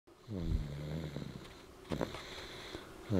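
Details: Deep, rumbling, low-pitched vibrating snores with a rattling quality during sleep; snoring.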